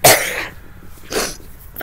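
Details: Two harsh coughs from an unwell adult, the first loud and forceful, the second softer, with a very sore throat; cough.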